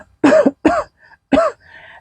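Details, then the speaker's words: Three loud, voiced, acted coughs from a pregnant woman in a comedy skit, with faint room noise; simulated cough. "ibu hamil kok batuk-batuk Padahal ibu hamil itu harusnya sehat Ini kok malah batuk-batuk"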